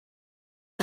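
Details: Two short, sharp cough bursts from an infant, separated by a brief pause for breath: staccato cough, played as a paediatrics teaching example.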